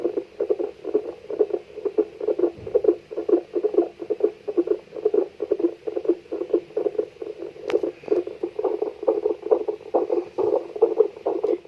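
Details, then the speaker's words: Rapid, regular whooshing pulses of a fetal heartbeat, about 130 per minute, with strong signal on a wireless home fetal Doppler connected to a mobile app. "this shows a strong signal and you will clearly hear the heartbeat of the baby"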